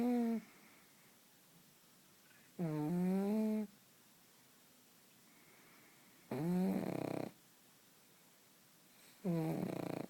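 Loud, rattly snores with a rising pitch, about one every three to four seconds, separated by quiet pauses: noisy dog snoring.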